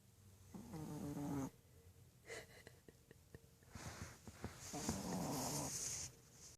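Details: A sleeping blind dog, paws crossed, at home: two long, buzzing, fluttery snores about four seconds apart, with soft clicks and quieter breathing between them. Snoring.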